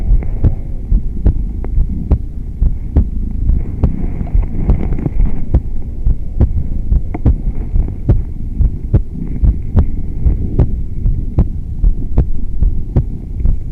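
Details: Stethoscope microphone strapped to the chest during yoga, moving out of shavasana while petting a cat, before cat-cow; person with neck subluxation: steady heartbeat about 70 bpm under low rumble and hum with sharp clicks; normal heart sounds.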